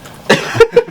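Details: A brief burst of two or three short coughs over faint room noise from an unidentified person during a chat recorded in cold Lembang; cough.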